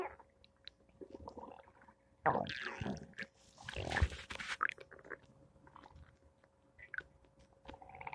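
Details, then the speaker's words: Quiet scattered gurgles with a couple of louder squelching rumbles; ordinary morning stomach noises (borborygmi). "Thursday morning stomach noises."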